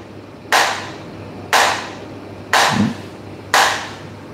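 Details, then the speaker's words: Extracorporeal shock wave lithotripsy of a kidney stone in a 41-year-old man, ultrasound-guided, waves passing through water into the body; sharp, regular cracking pulses about once a second; lithotripsy pulses. "thuốc này là chúng ta sẽ dùng sóng từ ngoài vào được đi qua môi trường nước vào cơ thể và định vị đúng viên giỏi và Tán vỡ ra"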